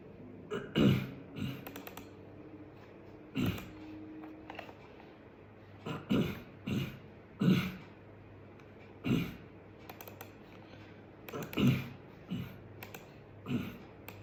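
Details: Repeated short throat-clearing bursts, about eight in fourteen seconds, a vocal throat-clearing tic in a person with Tourette syndrome, sometimes mistaken for Covid.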